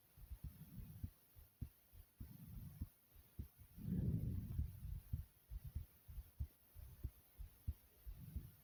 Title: Heart Beating And Breathing Sounds